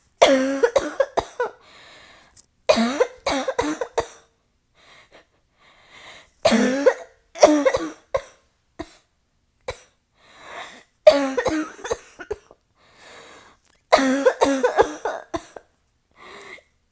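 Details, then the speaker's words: Acted adult female roleplay of an asthmatic coughing fit triggered by cigarette smoke, with chest tightening: repeated bursts of harsh, forceful coughing with gasping breaths between, then feeling lightheaded. "oh no my chest is tightening get breathe you babe stop it you're making my cough worse"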